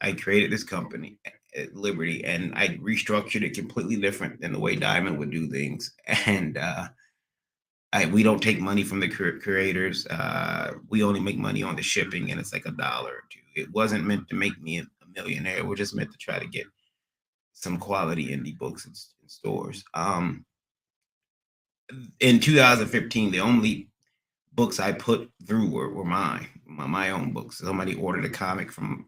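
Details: Adult man with a recent transient ischaemic attack, MRI showing some damage, seeing a neurologist and receiving physical, occupational and speech therapy; speech not fully recovered and he stutters occasionally; acquired stuttering after transient ischaemic attack.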